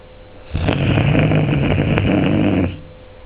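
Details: Sleeping Springer spaniel dog: one long, low, fluttering snore of about two seconds with a rough rattling vibration throughout; snoring.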